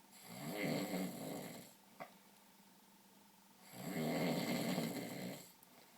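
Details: Two loud, rough, rattling snores with a quiet pause between them and a faint click; ordinary heavy snoring.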